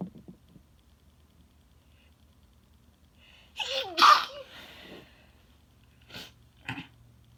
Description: I’ve never sneezed this much in such a short time, haha.